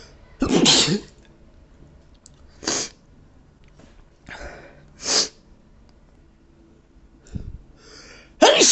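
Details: Sensitive nose from allergies, several forceful sneezes in quick succession separated by short sharp inhalations; allergic sneezing fit.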